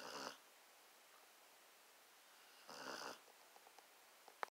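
Two breathy snoring noises about two and a half seconds apart, quiet in between, in a dog asleep.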